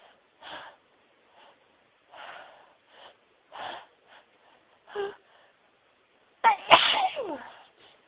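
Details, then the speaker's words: Sneezing fit at home after sneezing all day at work: a run of about seven sneezes in quick succession, ending in one loud, forceful sneeze. "Excuse me. I've been sneezing all day. Oh, bless me."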